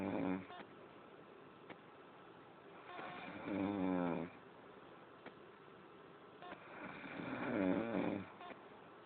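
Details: Slow rhythmic snoring during sleep, a rattling buzz on each breath, about 16 breaths a minute.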